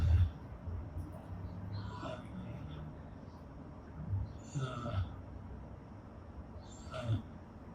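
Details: Severe dysarthria in a man in his 40s with ALS, reading sentences aloud while a speech neuroprosthesis decodes his attempts.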